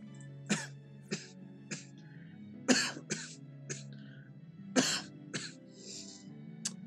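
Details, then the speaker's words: Twitch streamer coughing while talking during a live gaming stream, noting they are still coughing; cough. "I'm still coughing, as you can probably hear."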